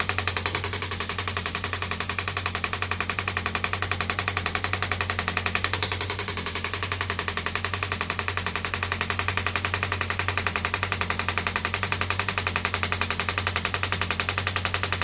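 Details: Radial shockwave therapy on an arm wrestler's triceps; steady rapid mechanical tapping pulses about 82 a minute with a constant machine hum from a radial shockwave therapy device.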